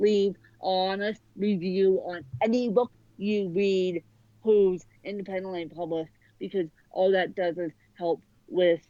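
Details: Adult woman with cerebral palsy since birth affecting both sides of her body; speech largely unintelligible to automatic transcription; dysarthria (cerebral palsy).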